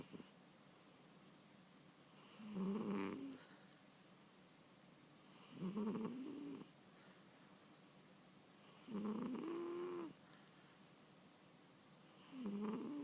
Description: Selbbin the cat snoring